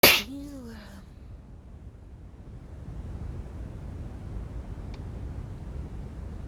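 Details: A wet sneeze during a cold: one sharp, explosive sneeze, followed by a brief voiced sound and then quiet room noise.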